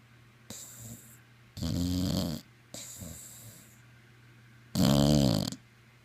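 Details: Sleeping dog snoring: loud rattling snores alternate with softer whistling exhales through the nose.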